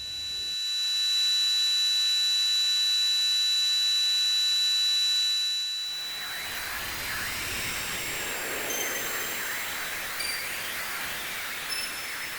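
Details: Steady high-pitched ringing tones, then broad hissing: electronic recreations of the buzzing and ringing tinnitus sounds that people with tinnitus hear, simulated, not real recordings.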